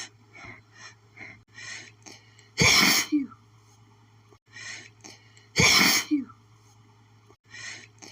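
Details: Person's itchy sneezing fit from pollen, strong enough to double them over: two forceful sneezes about three seconds apart, each preceded by quick sniffing breaths.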